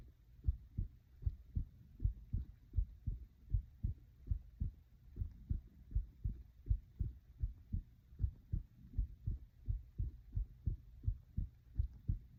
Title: my heart beating (with breathing and stomach noises)